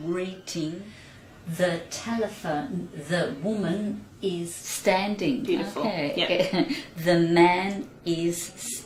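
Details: Speaker describing pictures, shown in a section on speech pathology for language difficulties after stroke (stroke not confirmed for this speaker); aphasia.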